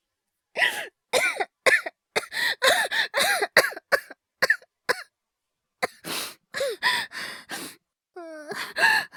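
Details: Performed cough voice by a male voice actor, all acted: a run of about a dozen short, voiced cough bursts with a gasping in-breath near the end; simulated coughing from an asthma/hyperventilation cough series.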